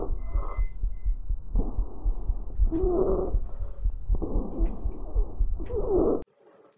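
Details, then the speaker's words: Stridor in a respiratory pathophysiology teaching recording: noisy breaths with a harsh, high-intensity musical note on inspiration, from turbulence in a narrowed extrathoracic upper airway. "el estribor es el sonido musical de alta intensidad escuchado en inspiración el escritor se genera ante el aumento de turbulencia en la vía aérea proximal extra torácica cuando existe una disminución en su diámetro"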